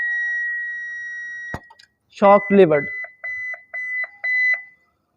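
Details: Philips defibrillator demonstrated without a patient, set to 150 joules: a steady high tone, a click, the spoken call "I am clear, everyone clear", then a series of short repeated beeps signalling charged and ready to shock.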